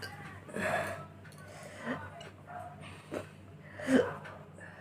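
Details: About four short, abrupt gulping catches in the throat at uneven intervals over five seconds, with faint room noise, recorded during a hiccup/burp challenge presented as natural hiccups. Hiccups.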